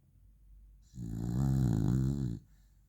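One long, steady, buzzing snore on a single breath from a sleeping dog, with quiet breathing before and after.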